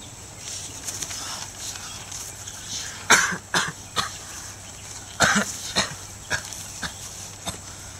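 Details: A cough, in a Thai awareness clip about fighting colds and viruses, with background music.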